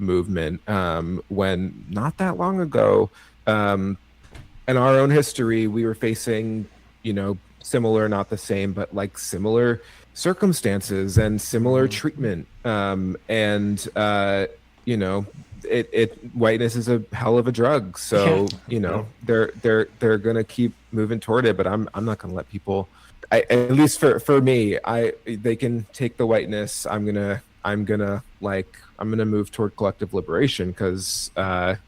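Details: Stuttering with part-word and word repetitions in an adult man with cerebral palsy, who thinks his stutter is related to his CP.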